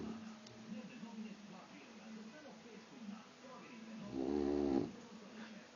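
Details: Sleeping boxer puppy snoring: soft wheezy breathing noises, then one louder rattling snore near the end.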